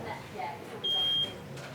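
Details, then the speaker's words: Bedside patient monitor on a man in a hospital A&E department: steady high-pitched alarm tone for about half a second. Staff can't tell if a lead has come off. His pulse reads 78, described as normal. "Why is your thing beeping?"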